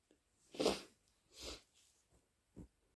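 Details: Person with flu, fever and a bad cough, throat raw from coughing: two loud, wet, harsh sneeze bursts with smaller snorting breaths and a congested nose, the first natural and the next induced; sneezing.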